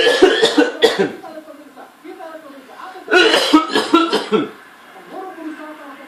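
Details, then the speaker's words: Adult father coughing uncontrollably while joking with his child: two bursts of several quick, harsh coughs in a row with a brief pause between; the child then cried, apparently thinking he was angry. "bukan nak, bukan marah, gua batuk sayang batuk."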